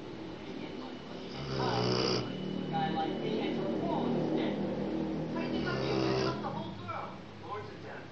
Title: My Rottweiler snores like my grampa used to do.